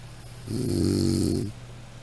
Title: Snoring sound